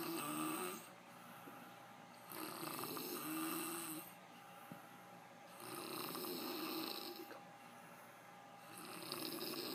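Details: Adult man (dad) snoring: rhythmic, harsh snoring on each breath, about 20 breaths a minute, with quieter pauses between.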